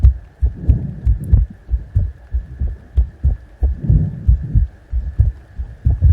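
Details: Deep, regular thumping heartbeat, about 90 beats a minute, with a steady faint hum behind it, in an ASMR heart sound recording.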